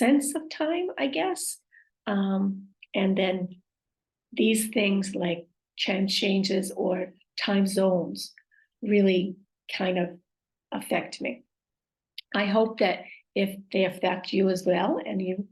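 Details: Woman with aphasia, apraxia of speech and dysarthria acquired after a stroke; aphasia with apraxia of speech and dysarthria.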